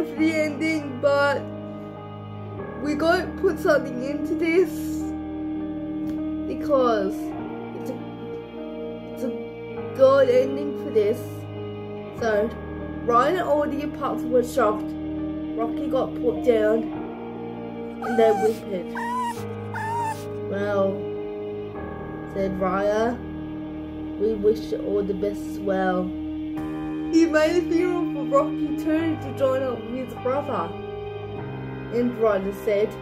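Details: Adult speaker narrating over background music; speech in cerebral palsy (possible dysarthria).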